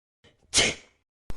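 Short intake of breath followed by one sharp, explosive hissing burst; a single sneeze.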